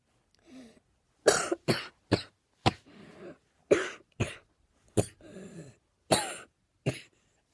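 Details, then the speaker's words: An adult coughs repeatedly in short, harsh bursts, drawing quiet breaths between them. "Oh man. I really need to get a cough drop."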